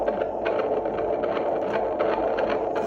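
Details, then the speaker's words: Fetal Doppler on the first twin of a 29-week twin pregnancy at an antenatal visit: fast, regular whooshing heartbeat of about 153–156 beats a minute, strong and normal. "this is the heartbeat. 156 155 now, 154, 153, 154 again. So, it is strong and regular."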